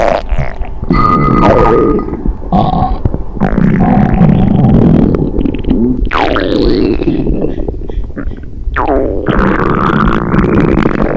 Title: tummy stomach growling